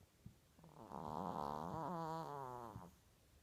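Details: Chihuahua snoring very loudly: a long, loud, fluttering breath with a buzzing rattle.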